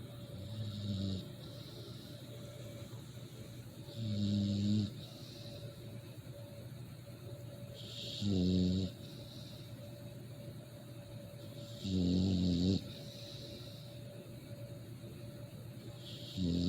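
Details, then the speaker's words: American exotic bully dog snoring in deep sleep, said to snore like a human: loud, rough snores about every four seconds (roughly 15 a minute) with a steady hum behind them. "when he's dead and he's dead dead and sleepy he's snoring like a human being and i'm telling you a trip"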